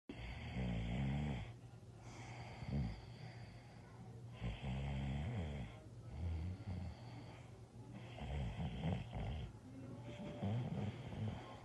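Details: Woman snoring: rough, rumbling snores with each breath, about 15 breaths a minute over low room noise.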